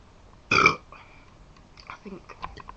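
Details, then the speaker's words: Deliberate burping during a burping contest with Pepsi: one loud, brief belch followed by faint voices and background noise. "okay we're gonna have a burping contest we've got Pepsi product placement and we got this to see we can burnt the loudest let's republish that"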